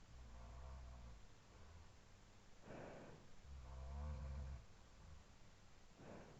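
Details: Roommate's snoring over a sleeper's breathing, recorded at night around 4:17–4:20 AM after falling asleep near 2:10 and looped: faint low rumbling snores with soft breathing in a quiet, slightly hissy room.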